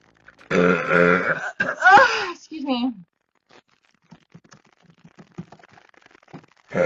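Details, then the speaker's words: A woman burping from gas, which she says does not hurt but makes her stomach jump: a few loud, drawn-out voiced belches in quick succession, then quiet. "Probably gas will do that to me. Excuse me. No, it doesn't hurt. If anything, it makes my stomach like jumped up, and so I have to stop after a while."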